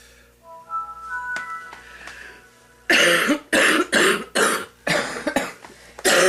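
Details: An older woman who smokes gives a run of about six harsh, forceful coughs to clear mucus from her lungs before her first cigarette, over faint music; productive cough.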